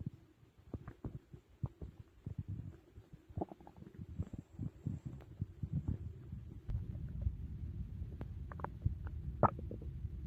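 Low rumbling and gurgling bowel sounds, irregular and continuous: stomach growling from active digestion after a large meal.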